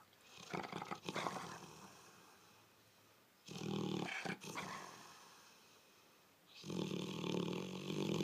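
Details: Dog snoring while asleep: noisy, rasping breaths at irregular intervals with quiet gaps.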